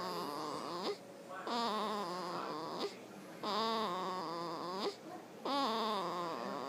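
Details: 4-day-old newborn, described as snoring, gives four rhythmic crying bursts about every two seconds, each a wavering voiced wail with short pauses; ordinary infant cry.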